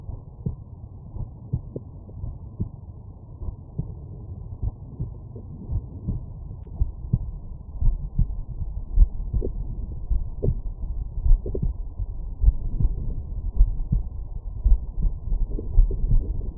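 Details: Adult heart sounds through a stethoscope over the mitral area, subject lying on right side: muffled low thumps with rustling background noise.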